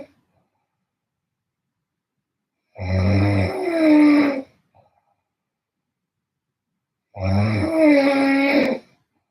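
Two loud, rough, drawn-out snores, each lasting about a second and a half, separated by a quiet pause. Typical loud snoring in a quiet room.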